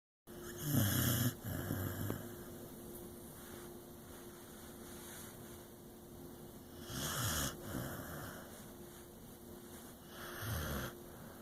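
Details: Sleeping dog: soft, low snoring breaths spaced a few seconds apart over a steady background hum; light snoring.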